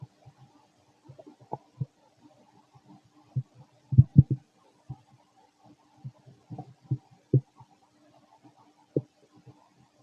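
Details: Fit male, stomach growling while digesting, very loud: irregular low gurgles and rumbling bursts, some loud, with quiet gaps; active bowel sounds (borborygmi) of normal digestion.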